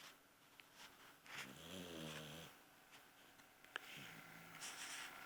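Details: Dog snoring in a quiet room: two buzzing, vibrating breaths, typical snores.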